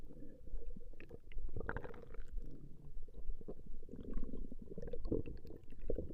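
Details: Woman's stomach growling from a 20-minute recording: low continuous gurgling and rumbling with irregular bubbly pops; ordinary borborygmi.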